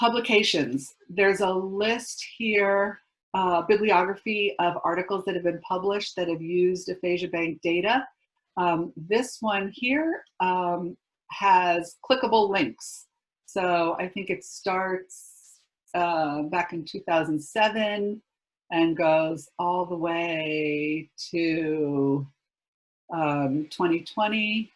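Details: Adult woman speaking; normal speech.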